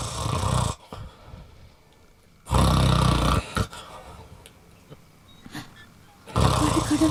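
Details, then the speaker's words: Acted loud snoring in a Tamil comedy skit, with a husband and wife snoring alternately: three loud, rattling, exaggerated snores about three seconds apart, with quiet room noise between. "சித்தப்பா குரட்டை விடுறாங்க அப்புறம் இன்னொன்னு சித்தியும் குரட்டை விடுறாங்க"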